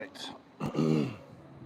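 A brief rough throat-clearing burst followed by a short voiced grunt; ordinary throat clearing.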